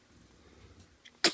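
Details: Newborn in postnatal care center, recorded 2014: quiet room, then a short faint squeak and one sharp, hissy sneeze.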